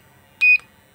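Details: One short, high electronic beep as the output intensity (medium or high) of a US Pro 1000 3rd Edition portable 1 MHz therapeutic ultrasound unit is selected.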